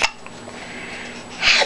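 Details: Infant girl being played with gives one sharp, brief catch of breath, a single infant hiccup.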